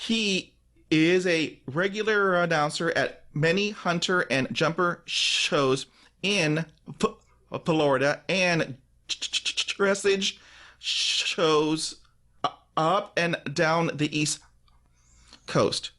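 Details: Real stuttering in an adult man who stutters, with repetitions and part-word repetitions; finding: stuttering.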